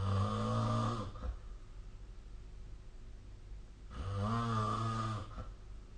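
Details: Sleep snoring recorded with the SnoreLab app: two loud, buzzing snores on breathing in, with quiet breathing out between; roughly 15 breaths a minute.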